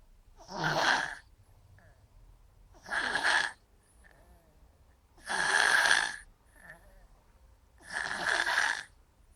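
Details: A sleeping cat gives four rough, noisy snoring bursts at a steady pace, about 24 a minute, with quiet pauses between.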